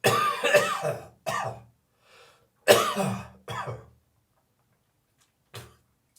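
An adult gives several harsh, dry cough bursts with throat clearing and a hawking, gagging quality, then a brief final cough; dry cough.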